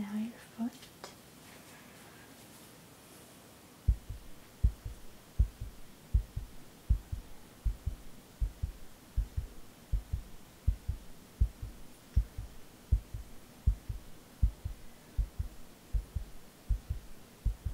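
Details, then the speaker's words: Roleplay ASMR heart checkup, simulated: soft regular thumping at about 80 beats a minute after brief whispering; steady heartbeat, normal rhythm without skipped beats. "your heartbeat seems normal it doesn't seem like it skips a beat it just seems like the normal Rhythm"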